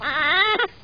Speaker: are you crying are you crying what are you crying ah